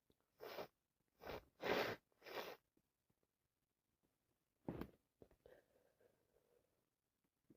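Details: Adult with yet another cold: a run of four wet sneezes, then a fifth after a pause, followed by sniffing, amid non-stop sneezing and some coughing; sneeze.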